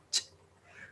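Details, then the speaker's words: Monkey with a cold observed in the field: one sharp, hissing sneeze burst, part of a female sneezing for a long time, with faint outdoor noise. "And so this monkey got cold and they're actually sneezing just like us."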